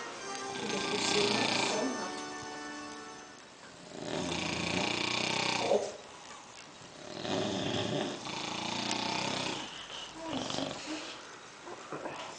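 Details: Two men snoring: loud, rough, overlapping snoring breaths from both sleepers, with a cell phone ringtone in the background.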